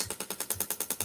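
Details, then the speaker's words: Shockwave therapy handpiece placed on skin in a demonstration, delivering shock waves through it: rapid, even mechanical ticking of about ten pulses a second. "so i place it on like so and it just stains so you can see i'm not jumping on my skin those little shop leaves through"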